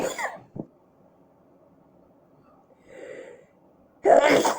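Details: Sneezing that did nothing to relieve a tickle in the nose: two explosive sneeze bursts, at the start and end, separated by near silence with a faint breath between.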